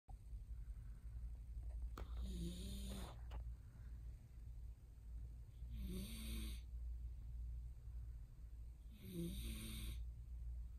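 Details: Stuffy nose making breathing hard, very faint: three raspy, snoring-like inhalations about every 3.5 seconds over a low hum; noisy breathing from nasal congestion.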